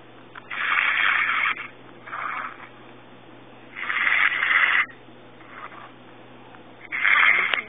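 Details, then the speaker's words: Female snoring loudly while asleep on a phone call around 1 a.m., rasping snores roughly every three seconds, thin and tinny as heard over the phone line; snoring. "while I'm up and she's on the phone snoring and she wonders why I don't go to sleep"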